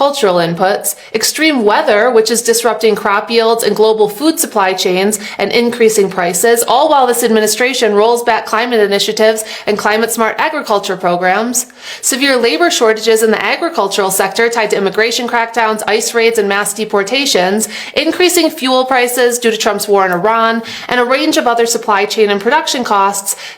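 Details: Adult woman speaking; Normal voice.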